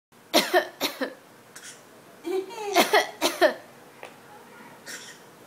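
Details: Nine-month-old infant making short, voiced, paired coughs on purpose; a playful voluntary fake cough, not illness.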